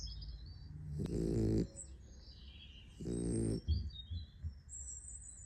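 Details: Sleeping puppy snoring: two rough, low snoring breaths, about 28 a minute, over room noise with faint high chirping sounds.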